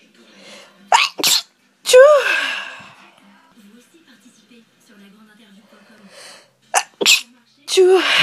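Several loud sneezes in close succession, each with a sharp explosive burst, and quiet pauses between them: a run of repeated sneezes.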